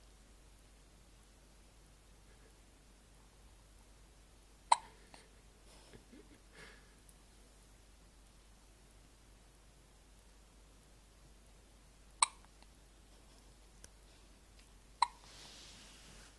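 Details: Hiccups while mesmerised by a light: three sharp, sudden hiccup clicks spread irregularly over about sixteen seconds in a quiet room.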